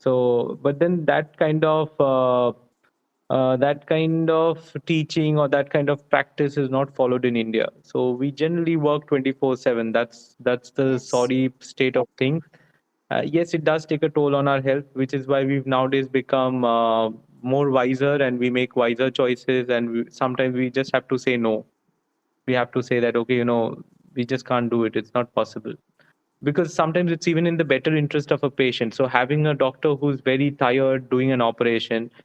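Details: Adult male speaker; no speech disorder.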